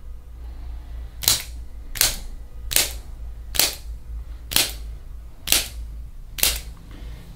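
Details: Chiropractic activator instrument on the sternum and front rib cage, patient with chest knots and thoracic tension: seven sharp, evenly spaced snapping clicks about every 0.85 seconds over steady room hum.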